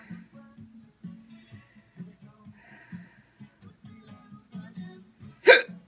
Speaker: and you just don't know when they're coming so you open up the mic to go on the air and a big hiccup